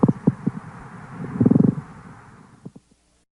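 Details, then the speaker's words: Pleural friction rub from pleura thickened by fibrin or coarsened by inflammatory or neoplastic cells: coarse, grating, creaking bursts with breathing, like leather sliding on leather. "the sound produced the plural friction rub resembles the sound of leather sliding on leather listen again to a plural friction rub"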